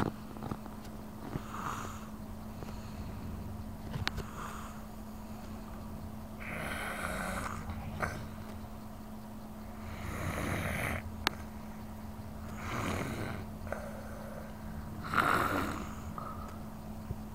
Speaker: is the baby snoring.